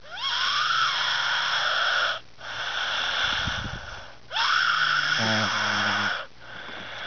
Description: He Sounds Like The Ghast From Minecraft LOL !